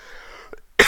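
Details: Adult speaker giving a public-speaking workshop talk; quiet room, faint throat sound, then one sharp, loud cough burst close to the microphone; cough.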